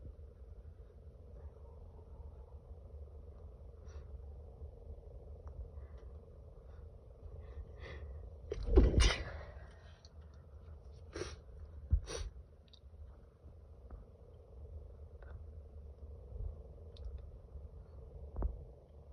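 Several muffled, stifled sneezes over a quiet, rumbling room background; allergy sneezing.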